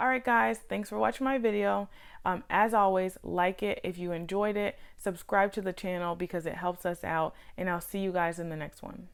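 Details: Adult woman; Typical speech.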